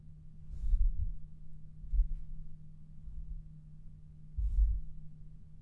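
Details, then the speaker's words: Streamer's own heartbeat picked up by resting an arm on the microphone pop filter: dull low thumps, muffled, over a steady low hum; heartbeat. "I rested my my my my arm on my mic pop filter. That's my heartbeat."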